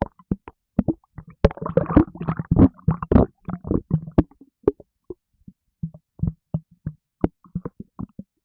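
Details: Stomach after drinking a can of Red Bull energy drink, causing gassiness: bursts of low wet gurgles and sloshing pops, irregular and bubbly; loud bowel sounds, stomach gurgling (borborygmi).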